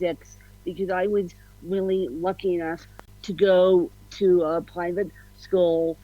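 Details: Adult woman with ataxic-spastic cerebral palsy and a slight cold during recording; spastic dysarthria (cerebral palsy).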